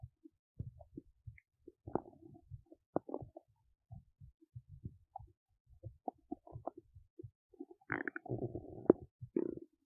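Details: Adult abdomen while digesting oats: irregular gurgles and rumbles, ordinary bowel sounds of digestion (borborygmi).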